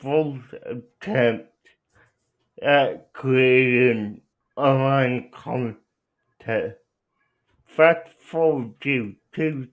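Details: Young adult man with cerebral palsy who uses a wheelchair, out of school six years; dysarthria (cerebral palsy).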